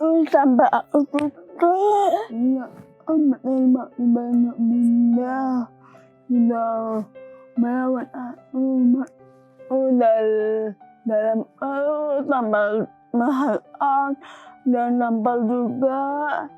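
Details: Dysarthria in a young woman with cerebral palsy present since birth; speech difficulty since childhood, she could not speak at first and speech improved after therapy.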